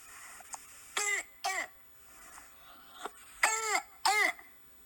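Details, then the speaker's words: Croup in a young child: four harsh, high-pitched, seal-like barking coughs from an inflamed, narrowed upper airway. "And so they might present with this sound. They usually cough like almost like a seal-like barking."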